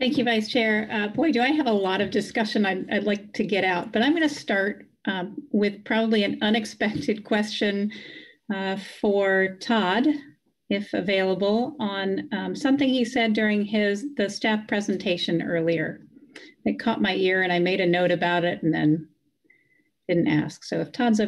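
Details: Adult woman speaking; Normal voice.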